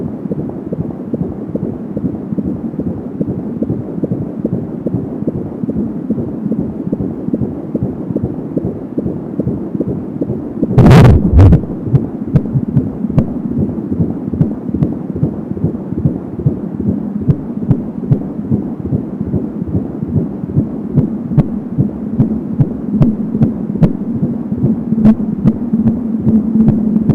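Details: Fetal heartbeat at 19 weeks of pregnancy, heard with an Angel Sound home fetal Doppler: a fast, galloping rhythm of about 170 beats per minute, with a whooshing umbilical cord sound.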